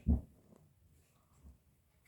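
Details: Ordinary stomach growling: a brief low gurgling rumble followed by a fainter one.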